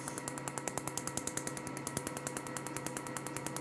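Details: Rapid, regular sharp snapping clicks, about 200 a minute, over a steady hum, from a laser firing pulses during a woman's painful first tattoo removal session of about 15 minutes; tattoo removal laser firing.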